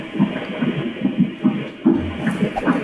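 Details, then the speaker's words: Doppler ultrasound at 20 weeks of pregnancy, first-time mother, fetus measuring about two weeks larger: rapid regular whooshing pulses, fetal heart rate about 140 a minute, chest looking normal. "...va aproximadamente a 140 latidos por minuto..."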